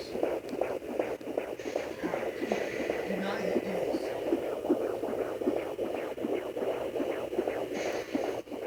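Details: Fetal heartbeat at 22 weeks of pregnancy on a Sonoline B home fetal Doppler: fast, rhythmic whooshing pulses at roughly 150 to 160 beats a minute.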